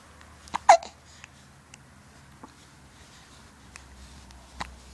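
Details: Infant with hiccups early in the morning: a sharp, brief catch in the baby's breath, a hiccup, with soft cooing and faint room sounds.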